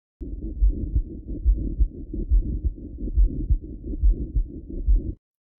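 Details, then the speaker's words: Pericardial friction rub: scratchy, grating noise around regular beats near 71 a minute, from pericarditis; heard best at the left lower sternal border with the patient leaning forward, from friction between inflamed visceral and parietal pericardium; real patient recording. "It's a scratching and or grating sound usually heard best at the left lower sternal border with the patient leaning forward. It occurs due to abnormal friction between the inflamed visceral and parietal paricardium."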